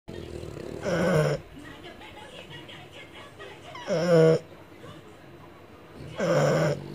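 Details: Three loud, rough snoring bursts, about 20 a minute, with quiet breathing between them, from a sleeping French Bulldog; snoring.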